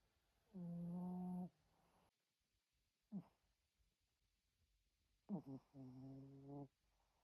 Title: Йорк храпун. #йорк